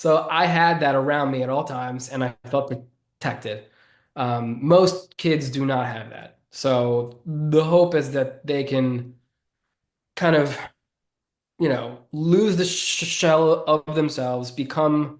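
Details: Adult man who has stuttered since childhood and says it is audible in his speech; stuttering.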